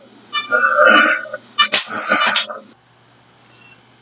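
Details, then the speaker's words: Expiratory grunting in advanced respiratory disease, with oxygen saturation below 90% and a variable heart rate: a brief low moan, then choppy voiced grunts on breathing out over a steady hum. "entonces el kg o respiratorio habla de estadios avanzados de enfermedades respiratorias"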